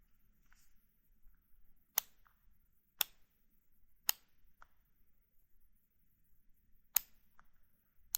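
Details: NovoRapid FlexPen insulin pen being dialed to set units and triggered for injection: sharp, isolated mechanical clicks with softer ticks between them in a quiet room.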